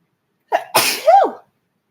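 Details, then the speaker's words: A single sneeze, a brief catching in-breath then a sharp explosive burst with a short voiced tail, one of repeated sneezes: sneeze. "excuse me y'all I think I'm gonna have to sneeze again thank you"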